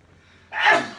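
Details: A cuddly cat, after a quiet moment, gives one sudden, sharp, airy burst that fades quickly over faint room hum: a single cat sneeze.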